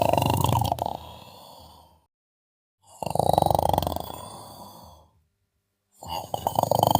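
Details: Loud, rattling snores from a sleeping adult, three in a row at roughly 19 breaths a minute.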